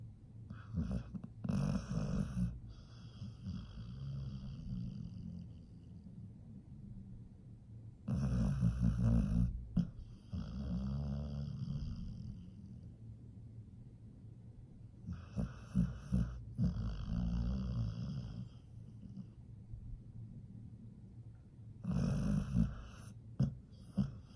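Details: Nomyen, a sleeping pit bull, snores loudly and rhythmically with rattling noisy breaths about every seven seconds; snoring.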